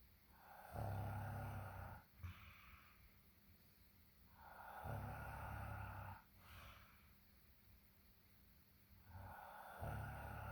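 Deep, low rumbling snores recur about every four seconds, roughly 14 breaths a minute, with quieter breathing between them.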